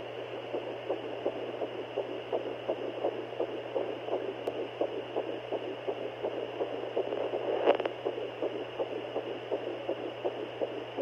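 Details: Fetal heartbeat at 8 weeks 5 days of pregnancy, first heard on a home Doppler: rapid, soft rhythmic whooshing pulses, about 165 a minute, over steady Doppler hiss and hum.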